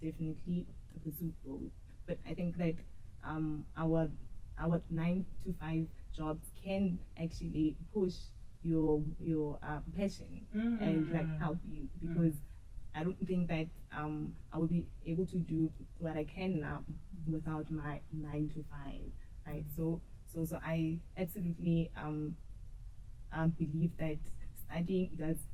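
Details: Woman who says she has stuttered and struggled with it since school; her stuttering is noticeable in her interview speech; stuttering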